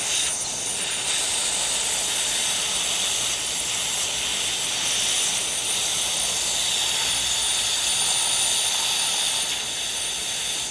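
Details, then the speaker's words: Continuous high-pitched hiss with a steady whine from an ultrasonic (piezo) scaler on the perio setting with water spray, during deep periodontal debridement of a maxillary right quadrant in a numbed, sedated patient. "so before we start any treatment we always start by the briding the whole site and here I'm using a piece of surgery on the period settings [Applause] so obviously we numb everything so we are really going deep to remove all the debris"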